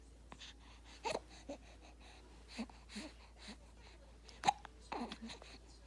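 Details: Brief, quiet hiccup sounds at irregular intervals from a baby boy in the morning, with soft room noise; ordinary infant hiccups.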